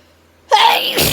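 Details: Adult sneezing attributed to autumn allergies, with dust in the air: a quick in-breath, then a single sharp, forceful, explosive sneeze.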